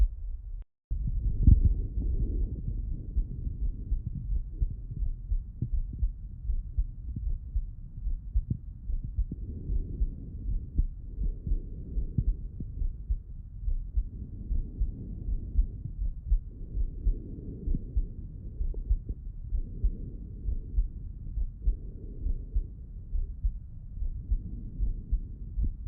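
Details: Heart auscultation by stethoscope with the person lying on the left side: normal heart sounds.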